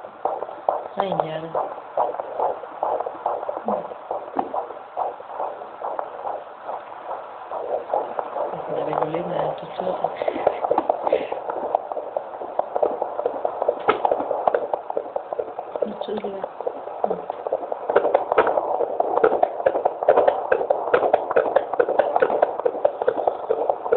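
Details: Fast, swishing fetal heartbeat at about 140 beats a minute, heard by a midwife at 27 weeks of pregnancy with a baby boy, with faint talk in the background.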